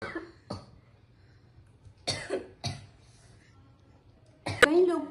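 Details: Acted scene in a tuberculosis awareness story about a student who ignored a cough lasting over two weeks: five or six short dry coughs followed by a brief vocal sound; cough.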